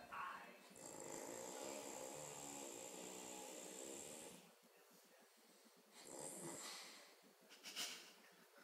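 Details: Snoring during sleep: two long, rattling, fluttering breaths about five seconds apart with quieter breathing between.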